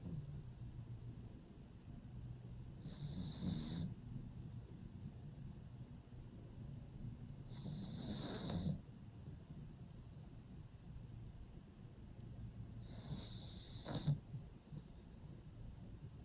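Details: Pug dog sleeping in a cave-style pet bed, snoring: slow, rumbling snores with a snorting edge, about 11 per minute, recurring through sleep.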